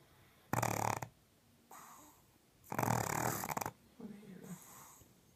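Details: Pug blind from birth snoring very loudly while asleep with her eyes open, next to a 10-year-old black pug. Loud, harsh rattling snores on each breath with quieter snorting out-breaths: snoring.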